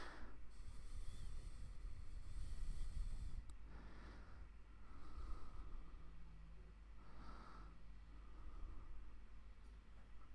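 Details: Endoscopic ear microsuction of hard, impacted wax blocked deep in the ear canal near the eardrum. Rough, bursting suction noise with intermittent gurgles and crackles as wax breaks away.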